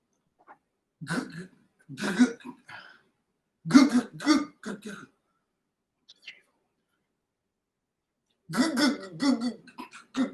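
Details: Adult man acting out the childhood stammer he had from about age five to fifteen, a re-enactment rather than current speech; stuttering with speech blocks and repetitions.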